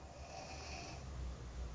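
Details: Low, rumbling, rattling snoring throughout, with louder low pulses toward the end; a person snoring badly during sleep, which happens every time.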